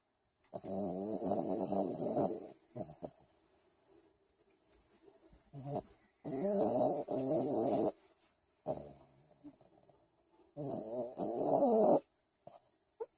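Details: Rat Terrier dog snoring: rhythmic, vibrating snores about every four seconds, each a rattling buzz with quiet pauses between breaths.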